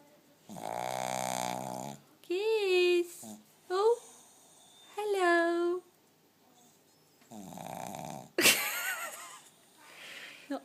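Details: Blind dog napping, snoring loudly and stirring as a person calls to wake it: snorting, snuffling, rough sleeping breaths mixed with the voice; dog snoring.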